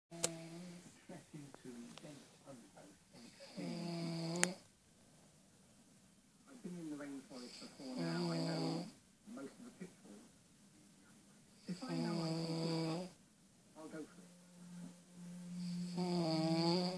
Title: my snoring dad